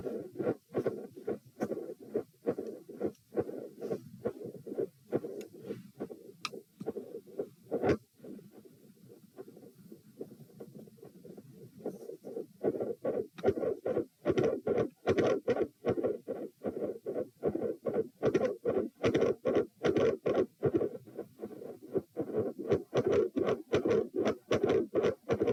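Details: Heart sounds recorded at position p during provoking manoeuvres (Valsalva lying, standing then quickly lying, lying on each side), with S1 and S2 both split; near the end, a regurgitant murmur after S2 goes quiet, then a machinery murmur with extreme intensity changes.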